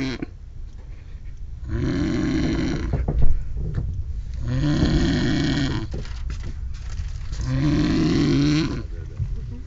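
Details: Three loud, rough, rattling breaths in a row, each about two seconds long, with quiet gaps, from a sleeper on a train; snoring.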